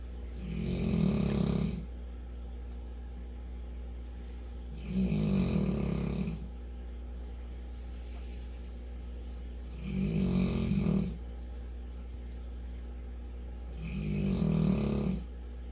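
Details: St. Bernard wearing a cone for a few days after using her face to break out of a kennel and visiting the vet; four loud, rumbling snores at about 15 a minute over low background hum; snoring.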